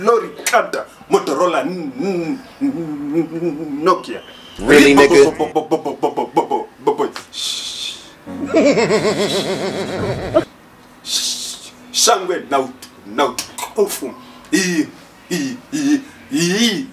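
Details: Comedy skit of a man who stammers leading a prayer before a meal, with part-word and word repetitions; stuttering (acted).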